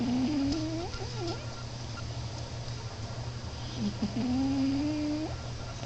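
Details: Cat snoring: two drawn-out, whistling, wavering nasal breaths about four seconds apart over a steady low hum.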